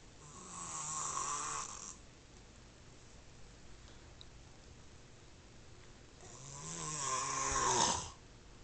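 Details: Snoring: two long, rattling snores on inhalation separated by quiet exhalation.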